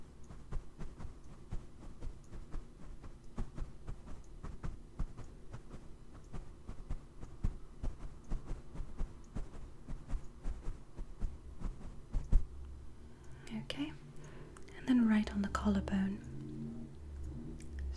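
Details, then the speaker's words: Roleplay annual checkup: fast, regular heartbeat heard by stethoscope placed on neck then chest, with handling noise near the end; mildly elevated heart rate attributed to nerves. "just right there okay so a bit of an elevated heartbeat but that's always because of nerves understandable"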